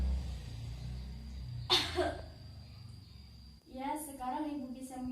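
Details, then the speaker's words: Simulated nursing roleplay of pre-operative effective cough training: after a deep breath in and out, the nurse demonstrates a single sharp, forceful, deliberate effective cough following a quiet stretch with room hum. "selanjutnya mungkin kita langsung saja ke latihan batuk efektif nyaya Bu Sebelumnya saya akan mencontohkan terlebih dahulu"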